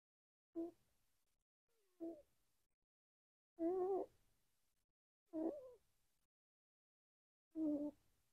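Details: Pet female free-roam house rabbit sleeping, owner notes she always snores and has a squeaky nose; five brief, tonal snorts roughly every 1.5–2 seconds with quiet between: rabbit snoring.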